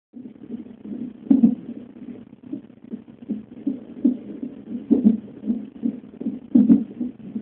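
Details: Fetal hiccups at 34 weeks during a non-stress test: muffled rhythmic thumps with stronger jolts about every 1.7 seconds over quiet fast fetal heartbeat around 145 bpm.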